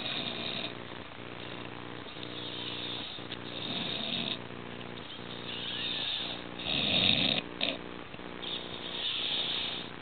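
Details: Man asleep after drinking alcohol, snoring very loudly, also said to have nearly choked on vomit while sleeping: steady, rattling, buzzing breathing noise with repeated loud surges; snoring.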